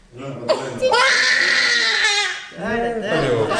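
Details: Infant boy, 69 cm and 9.2 kg, sick and teething, at a doctor visit for his annual vaccination: loud, sustained crying in long wails with brief breaths between; distressed infant crying.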